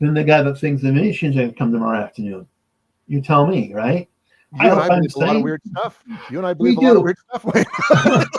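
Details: Adult man; typical speech.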